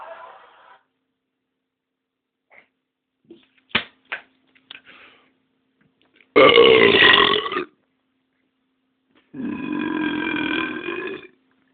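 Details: Adult gives two loud, prolonged voiced burps, with a few small clicks and noises between them: burping.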